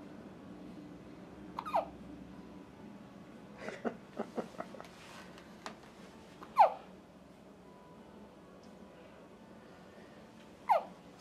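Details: A 4-day-old baby's first hiccups: three sharp, squeaky catches at irregular spacing with a few soft clicks between, in a quiet room.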